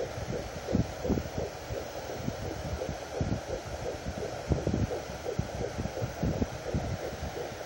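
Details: Fetal heartbeat at 12 weeks of pregnancy on a fetal Doppler, first heard at 12 weeks after earlier attempts failed: hissing static with soft, uneven low thumps.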